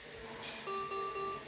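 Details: Three repeated electronic alarm beeps from a Maquet Servo S ventilator during service and repair, signalling a technical error; status showed air and oxygen supply pressures at 0 bar.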